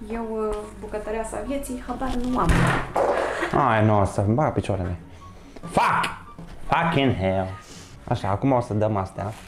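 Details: Man with Tourette syndrome speaking Romanian while cooking with a guest, with involuntary obscene vocal tics (coprolalia) in the middle of his speech.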